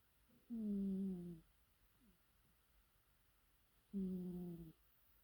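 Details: Soft, low rumbling snores from a sleeping cat, two slow breaths with a long quiet pause between; harmless snoring.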